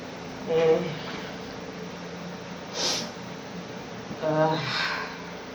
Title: How bad my coughing was during covid 😢